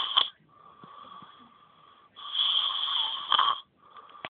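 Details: Sleeping boy snoring heavily: noisy breathing with a high, whistling tone on each breath.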